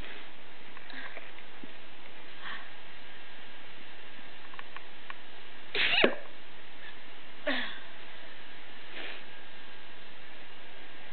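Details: Person with photic sneezing, who sneezes on looking at bright light and is also allergic to their black cat, sneezing for an allergy-commercial audition: one brief sharp sneeze, a softer second burst and faint sniffs over background hiss.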